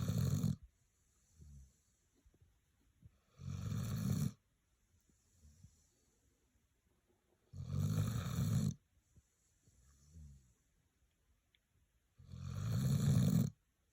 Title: Snoring like you’re in the zone